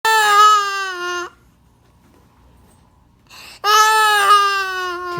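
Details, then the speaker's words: Infant boy crying after his father sneezed and startled him: two loud, sustained, distressed wailing cries separated by a pause. "I sneezed, so he freaked out. Caleb, don't worry. It was just a sneeze."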